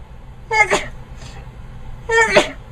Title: Some People Sneezing